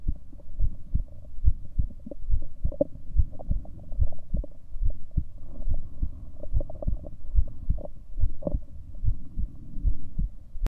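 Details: Own heartbeat recorded over 7 minutes: regular low thumping at about 70 beats a minute with a faint steady hum behind.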